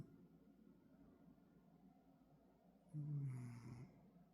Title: Cat wakes up. Keeps Snoring!